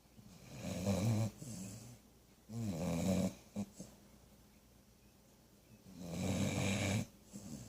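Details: Sleeping dog with deep, rattling snores, three in under eight seconds, with quiet pauses between them; snoring.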